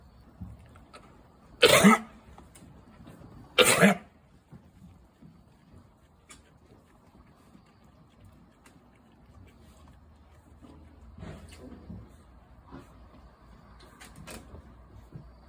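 Two loud, sharp explosive snorts about two seconds apart from a sheep, then quiet background; sneezes.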